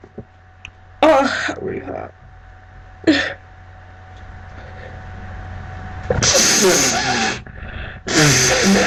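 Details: A woman with a very blocked nose and a friend: several loud sneezes with sharp inhaled catches and a long nose blow, showing repeated sneezing with nasal congestion.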